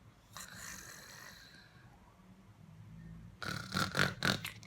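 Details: Small dog, tired after a busy day and asleep pressed against its owner, breathing softly, then a run of short, rapid, snorting snores; snoring.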